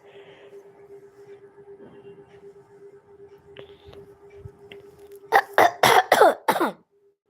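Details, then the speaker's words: Adult woman, unwell, voice hoarse and lost from coughing: a run of five quick, forceful coughs after a stretch of quiet room hum. "Ganesh दादा खोकल्याने माझा आवाज बसलाय बरं का"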